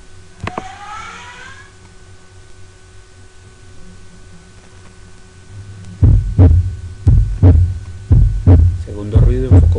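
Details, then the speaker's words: Normal heart sounds auscultated at the aortic area, with a prominent, high-pitched second sound. Regular paired sounds at about 60 a minute after several seconds of steady hum. "Oímos muy bien el foco, en el foco aórtico, el segundo"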